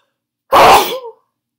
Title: Strong Cold Sneezes with Chhinkni & Noseblow